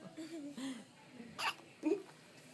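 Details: Young niece (girl) with hiccups: two short, sharp hiccup sounds between soft childish vocal sounds.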